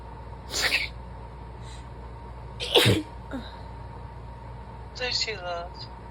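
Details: Sick woman: two sneezes in a quiet room followed by a brief voiced sound, within a long run of repeated sneezes; sneezing.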